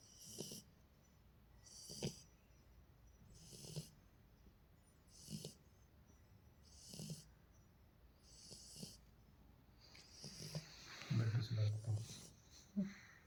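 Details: Soft, regular snuffling snores with each breath, roughly 35 a minute, in a quiet room: normal snoring from a sleeping beagle puppy.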